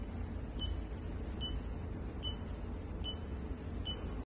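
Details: Short electronic beeps about every 0.8 seconds over a steady low room hum: the operating tones of a PC200 handheld patient monitor that measures NIBP, SpO2, temperature and ECG.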